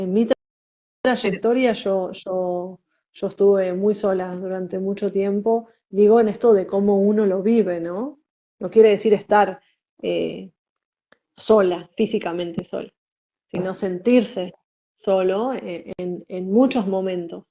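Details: Adult woman, about 41, stuttering since about age 3, had speech therapy as a child; she reports ongoing blocks and difficulty with her name and consonant-initial words; stuttering.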